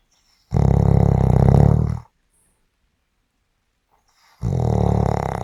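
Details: Short snoring clip: loud, low, rattling snores on the in-breath, about 1.5 seconds each, separated by quiet pauses; typical heavy snoring.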